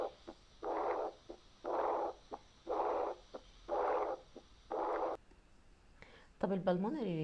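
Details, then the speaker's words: Early diastolic murmur of severe aortic regurgitation: loud blowing murmur immediately after each S2, about 60 beats a minute; recorded teaching example, louder than the mild-degree case. "طيب هضرب مثال تاني، الاورتيك ريجيرج اعنف فالصوت هيبقى اقوى شويه."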